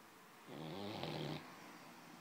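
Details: Sleeping dog snoring: a single low, rattling snore on an in-breath, with quiet room noise around it.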